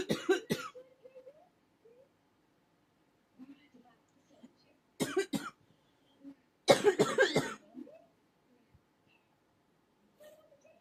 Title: ugh cough cough cough